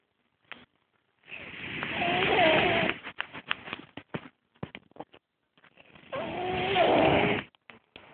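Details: Napping subject making weird snoring noises: two long rasping, whistly breaths with snorts and clicks between; snoring with an unusual squeaky tone.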